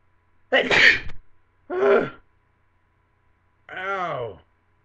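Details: Webcam recording of two sharp, breathy, explosive sneezes followed by a voiced groan of "ow": sneezing.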